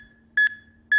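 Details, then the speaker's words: Sharp, evenly spaced high beeps, about two per second, over a quiet hum: HeartSine Samaritan 500P AED with CPR Advisor giving a metronome to pace chest compressions in a training demonstration. "place overlapping hands in middle of chest press directly down on the chest in time with metronome and remain calm when performing CPR"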